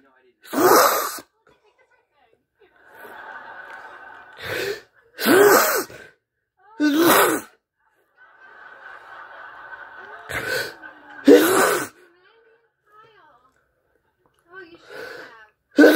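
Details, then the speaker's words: Person deliberately inducing a sneezing fit: a run of about seven sharp, explosive sneezes, with gasping build-up breaths between some of them; says they usually sneeze 18 or more times. "uh because i wanted 18 out of there but there'll be more i sneeze way more than 18 times or 19 times"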